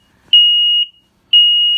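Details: Two long, high-pitched beeps about a second apart: SmartMonitor 2 apnea monitor low heart rate alarm during a self-test, after readings around heart rate 120 and respiratory rate 60.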